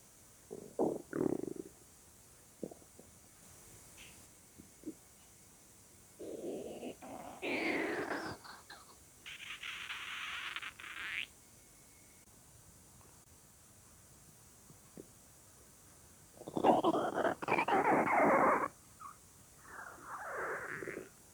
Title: Weird Stomach Sounds